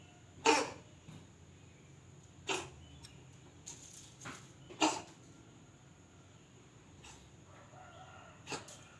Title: kucing bersin atau batuk yaaa ngakakak😂😂😂